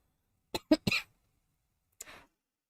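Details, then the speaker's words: Adult woman giving a dry cough: four short, harsh coughs, a quick run of three then one more, without rattle. "Oh, this stupid cold or whatever, this dry cough."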